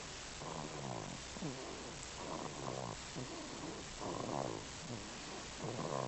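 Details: Soft, repeated snorting breaths under a steady hiss, about one every two seconds, from a sleeping baby at week 10: an infant snoring lightly.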